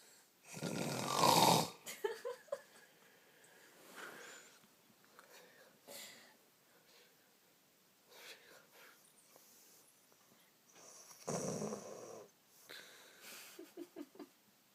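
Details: Dog snoring loudly enough to keep someone up all night: loud rattling snore bursts at irregular intervals with quieter breathy snorts between, in a small room.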